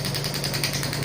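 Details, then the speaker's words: Steady rapid mechanical hammering with a low hum from a Biotronix pneumatic extracorporeal shockwave therapy (ESWT) applicator, rated 5–12 bar, firing at a power setting of about 4.5 with a shot counter running, then at reduced power; device demonstration. "यहां पे counter शुरू हो गया shops के लिए और जैसेजैसे मैं power बढ़ा रहा हूं।"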